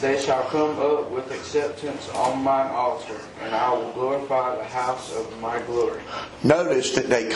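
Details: Adult man reading aloud; Normal voice.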